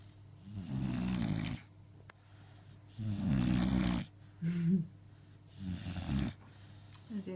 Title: snoring